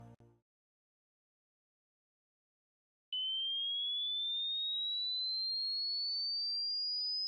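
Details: Hearing test tones: after a few seconds of silence, a steady pure tone slowly rises in pitch; a simulated hearing test sweep.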